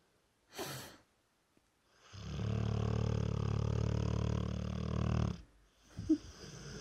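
A short snort, then a long, loud, low rattling snore lasting about three seconds, then another soft snort: dog snoring.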